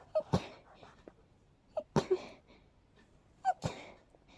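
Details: Sneezing induced by smelling daisies in a person extremely allergic to them: three quick paired bursts, each a short inward catch followed by a sharp explosive sneeze, in a quiet room.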